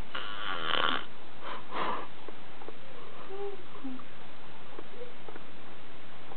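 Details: Adult who passed out on a bed after a long day of drinking: loud, rough snoring bursts on inhalation during sleep, then quieter breathing with faint whistling; snoring.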